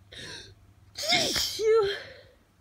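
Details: Adult with hay fever, triggered by pollen after sleeping with the window open, sneezing in the morning despite allergy medication: a quick gasping intake followed by one loud, explosive sneeze.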